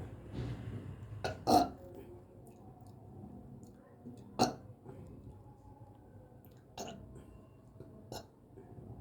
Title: bloated, burping